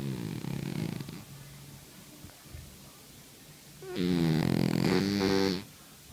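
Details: Cat in deep sleep snoring: two low, rattling, voiced snores in a quiet room, one short and one longer.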